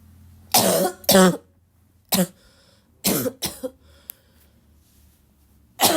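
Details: Barking cough during ongoing illness: about six loud, harsh coughs, some in pairs, over steady low room hum.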